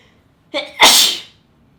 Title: spray sneezing 2 (Sample, 4K)